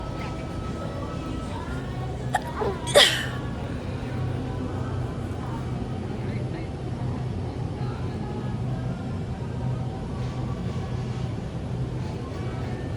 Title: How to sneeze nonstop! (Part 15)